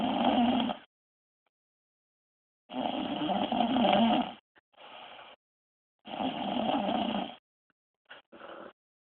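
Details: Snoring from an adult woman while she sleeps.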